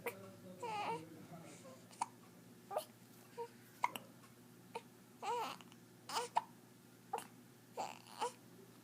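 Repeated short hiccup sounds, about a dozen in nine seconds, some with small voiced squeaks; an infant with hiccups.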